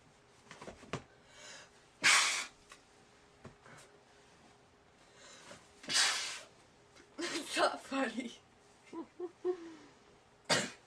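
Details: Person in bed during a sneezing fit; three loud, explosive sneezes with quiet breaths and speech between them; repeated sneezing.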